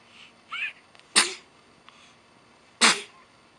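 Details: Infant gives a small whimper, then two sharp, hissy sneezes about one and a half seconds apart; sneezing.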